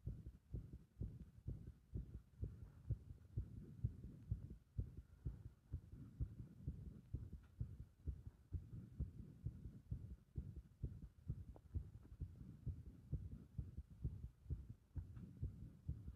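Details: Heart sounds with rhythm disrupted by compression: rapid, uneven thumping around 128 a minute over low hum; irregular heart rhythm.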